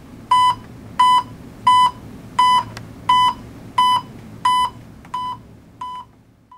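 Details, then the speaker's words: Pulse oximeter audible pulse tone in a WHO instructional demonstration: steady, evenly spaced electronic beeps about 87 per minute, fading toward the end. "adjust the volume of the audible pulse beep to a comfortable level never use on silent"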